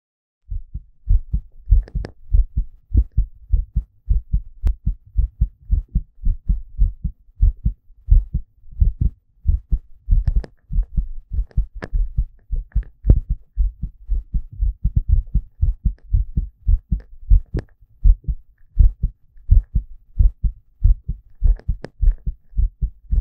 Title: Boy's visible heartbeat